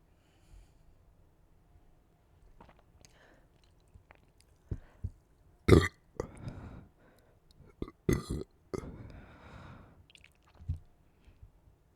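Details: Repeated gassy belching while drinking soda: several loud, throaty burps of varying length between quiet pauses, with faint swallowing and handling sounds; gas brought up from the stomach.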